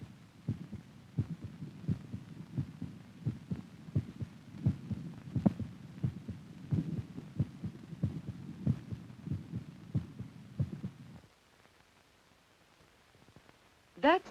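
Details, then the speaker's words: Normal heartbeat heard through a stethoscope in an educational demonstration: steady paired thumps (a double beat) at about 87 per minute. "sort of a double beat but if you feel your pulse you can discover regular even Beats"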